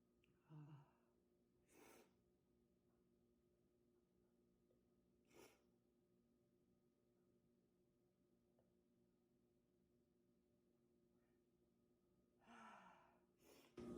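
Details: Several quiet, separate short bursts of air with soft intakes over steady room hum; single sneezes.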